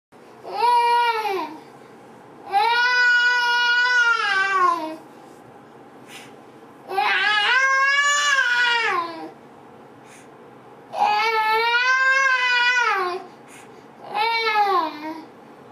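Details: A sleeping girl with her eyes closed and her head on the mattress gives repeated drawn-out, high, tonal moans with quiet breathing gaps between them. It is a long-standing habit that sometimes wakes her: sleep moaning (catathrenia).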